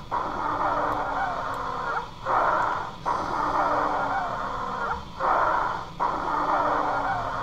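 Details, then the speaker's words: Continuous high-pitched musical whistling through each breath, about 20 breaths a minute: wheezing, produced when airflow through narrowed or compressed small airways becomes turbulent and vibrates the airway walls. "airflow through a narrowed or compressed of a small airways becomes turbulent causing vibration of airway walls this vibration produces the sound of wheezing"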